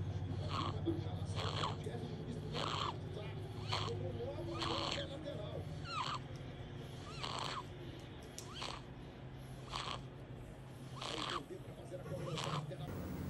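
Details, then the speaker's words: Baby girl, days old, later diagnosed with laryngomalacia, breathing rapidly with effort and chest sinking on each breath in; harsh, high-pitched crowing on inspiration: inspiratory stridor. "então era bem esse barulho o estridor que é assim tá ela fazia aquele esforço então quando ela inspirava afundava aqui e ela fazia aquele esse esforço para"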